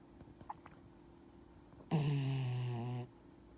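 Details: A 12-year-old Dachshund-Yorkie mix dog snoring in deep sleep on a person's hip; snoring.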